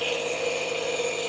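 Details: Nebulizer compressor running during a girl's breathing treatment for cough and bronchitis: steady mechanical hum and whir, with visible mist coming out.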